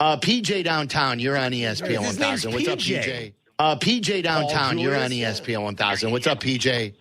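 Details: Adult male radio host; Normal voice.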